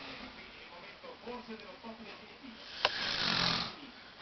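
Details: Man snoring after dozing off while watching Olympic race walking; snoring.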